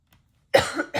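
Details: Adult with a hoarse voice gives a single abrupt cough after a brief silence, with the start of another burst at the end, followed by throat clearing.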